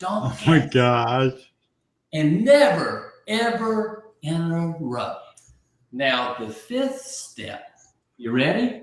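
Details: Adult man with aphasia after a stroke about 15 months earlier; early on others could not understand him at all, and he has since greatly rebuilt his vocabulary; aphasia.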